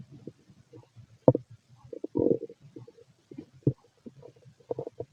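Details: Stomach rumbling (borborygmi) from a fit male: low gurgling and bubbling rumbles in irregular bursts with a few louder squelches.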